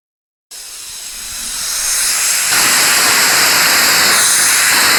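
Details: Dental saliva ejector suction, sound effect recording: steady rising hiss of air sucked through a narrow tube. Dental suction.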